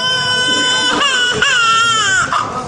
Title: تقليد طفل بطريقة مضحكة وعجيبة a guy imitates a baby's cry